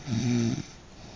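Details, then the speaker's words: Dog snoring: a single short, rough, buzzing snore-like snort. "Stop, baby. That's a good snort for the camera."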